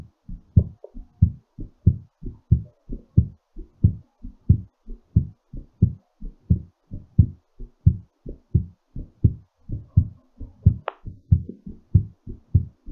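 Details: Clear paired low heart thumps, quick at about 90 beats a minute, settling during recovery; heartbeat after exercise.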